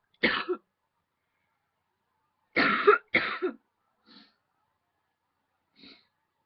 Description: There was this huge tickle in my throat then I kept going for a while lol